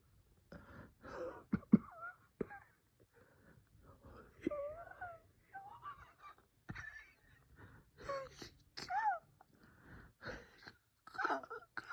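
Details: Repeated noisy, effortful breaths carrying whistling, musical wheeze tones, broken by a few short coughs: wheezing with cough from bronchospasm.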